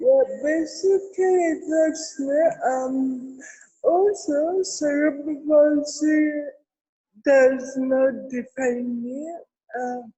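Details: Adult woman with cerebral palsy, with dysarthria.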